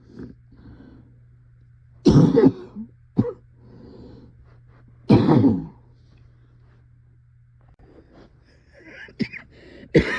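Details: Coughing fit, described as possibly the worst of their life: harsh, forceful bursts, about five or six in ten seconds, with quiet gaps and a steady low hum.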